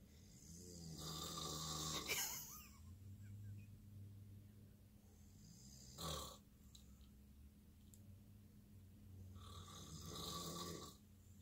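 Slow, rough rattling snores on breathing in, with a brief snort between them; plain snoring.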